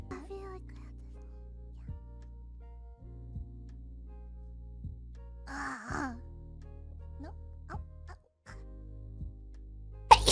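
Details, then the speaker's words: Adult woman's double sneeze over background music: a sharp voiced burst then another abrupt burst, counted among the first sneezes of the new year. "oh how many sneezes is that already into the new year"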